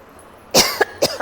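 Brief cluster of three short, sharp cough bursts from an adult woman in a quiet room.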